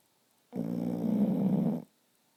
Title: snoring